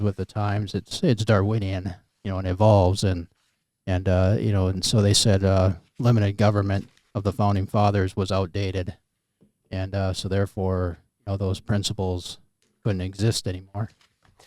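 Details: Adult man speaking; normal voice.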